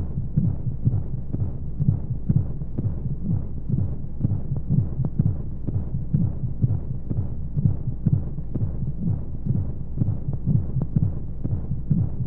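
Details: Womb-sound recording for infant sleep: steady muffled heartbeat thumps at about 125 a minute under constant whooshing womb-like noise; heartbeat.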